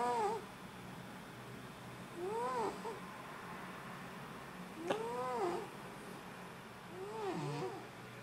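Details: Pet cat sleeping and snoring, which the owner says keeps them awake: soft whistling squeaks that rise and fall with each breath, about 26 a minute, over quiet room noise.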